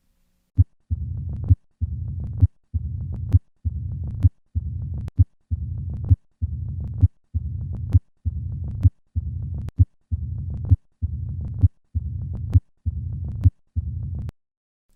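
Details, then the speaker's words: Patient with pure, advanced mitral stenosis: regular heartbeat near 66 per minute with a long low-pitched diastolic rumble filling each pause. "let's once again to a patient with pure mitral stenosis"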